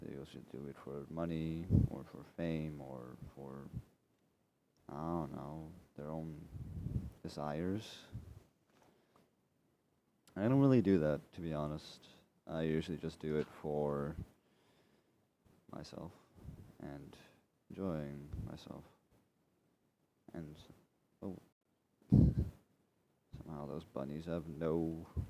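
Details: Stuttering in a male speaker who reports dyslexia and says he keeps stuttering over or repeating his words and cannot really control it.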